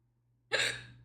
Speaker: This is crazy. Yes, I have a case of the hiccups. I don't know what to do.